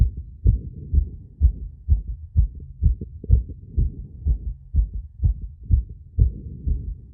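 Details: Own heart on phonocardiogram with ECG after intense exercise with breath-holding and rapid squats: fast, fairly regular heartbeat about 125 a minute; tachycardia, peak 170 BPM.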